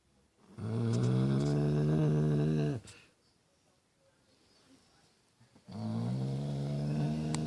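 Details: Pit bull dog snoring at 5:25 am after a rough day: loud, low, buzzing snores on breathing in, separated by a quiet pause; snoring.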